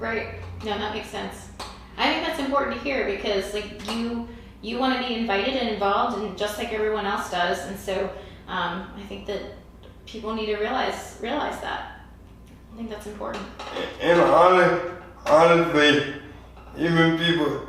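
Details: Adult speaker, likely female, in a small room; ordinary conversational speech.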